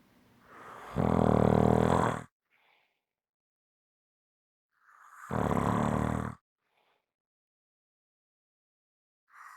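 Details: Strong snoring: loud, harsh, rattling snores on inhalation, spaced by long quiet pauses.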